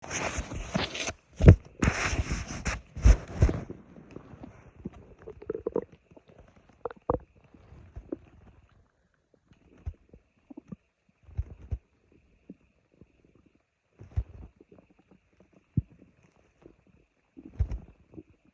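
A few seconds of loud rumbling, then quieter scattered gurgles and squeaks: ordinary stomach growling.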